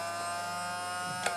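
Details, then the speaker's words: A 1970s Jugodent vintage dental drill, powered from the mains or a foot pedal, with its motor speed and direction changed by foot: a steady high electric whine with a buzzing hum while running fast. "as you can see over here there is a model that allow you to change the speed and the direction of D of the motor"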